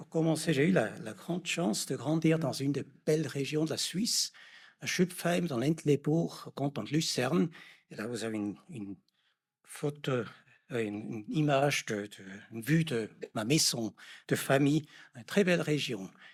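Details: Adult man; normal speech.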